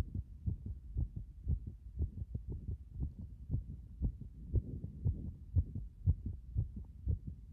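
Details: Heart sounds after compression: regular low heart thumps at a fast rate of about 118 a minute.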